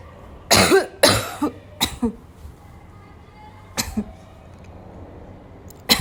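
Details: Afternoon coughing fit in a girl, starting weak and gradually becoming violent: a run of loud, harsh coughs with throat clearing, a pause, then more coughing in a quiet room.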